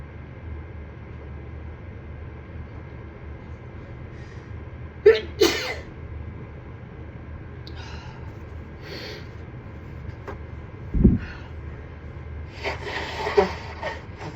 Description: My allergies have been on fire lately. Here is some sneezing and nose blowing from a tiny fit